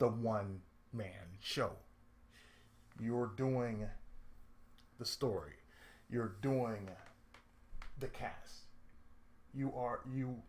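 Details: Adult male with lifelong cerebral palsy and speech difficulty since childhood: speech affected by cerebral palsy.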